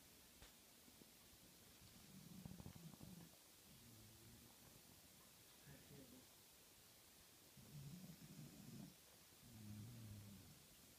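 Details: Beagle sleeping on a couch, exhausted after playing all day, snoring gently: soft, low rumbling snores repeating with each breath over steady background hiss.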